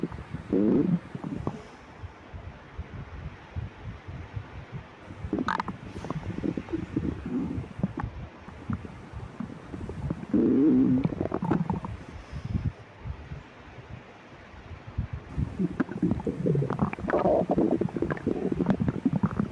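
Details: Stomach growling (borborygmi) in a person with severe lactose intolerance, after 12 hours fasting, before and after drinking milk: loud, near-continuous creaking and gurgling abdominal rumbles with some handling noise.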